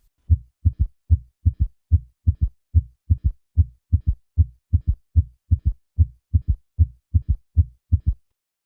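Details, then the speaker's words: Third heart sound (S3): regular heartbeat about 73 a minute with a soft, low extra thud just after the second sound, an S3 gallop. "a third heart sound can be difficult to detect because it occurs in the shadow of a louder second heart sound a third heart sound can occur in volume overload states such as mitro regurgitation"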